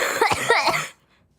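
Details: A short burst of about three harsh, throaty coughs run together from a girl, then quiet; an ordinary cough.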